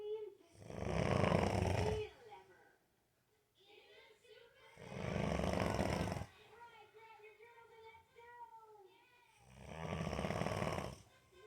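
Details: 28-year-old man snoring, unaware that he snores; three loud, rough, rattling snores every four to five seconds with whistling breaths between.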